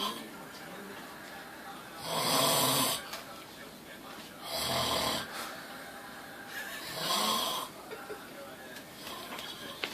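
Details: Loud, harsh, rattling snores on inspiration, about three in ten seconds, from a man asleep halfway out of a chair; heavy snoring.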